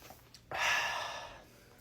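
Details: Man with hiccups trying a breath-holding trick to stop them: a single long, breathy outward rush of air after a quiet moment; a sigh, after which he says the hiccups are gone.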